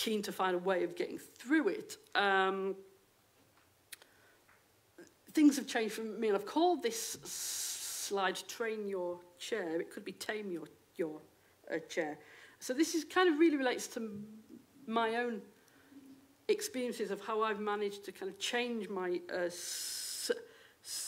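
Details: Stammering in an adult female lecturer who states she has a stammer; real, not acted.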